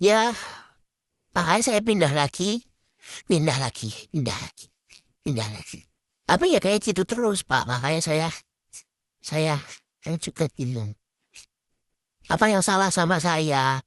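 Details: Acted roleplay of a young man, a former college student, with social anxiety disorder and echolalia, who repeats words until others cannot understand him; Indonesian speech with repeated words. Echolalia.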